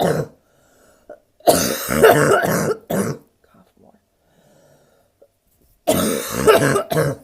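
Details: Woman with bronchitis: harsh, forceful cough bursts in clusters; a nasty barking cough.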